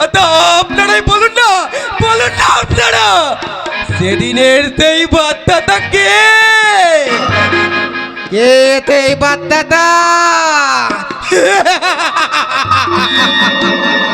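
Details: Acted stuttering: a male folk-theatre (jatra) actor plays a comic stuttering character in Bengali.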